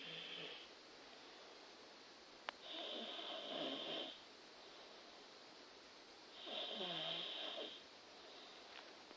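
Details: A person snoring with rattling snores on breathing in, about two in 9 seconds, with quiet breathing between, in a small quiet room.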